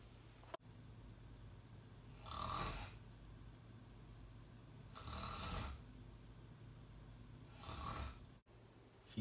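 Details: Staged comedy skit, not real sleep: a person snoring too loud, three loud rasping snores about three seconds apart, roughly 20 a minute, over quiet room noise.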